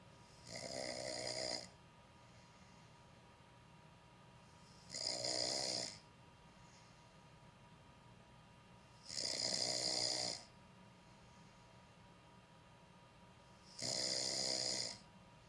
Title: Knocked out snoring🤣🤣🤣🤣🤣🤣 #sleep #knockedout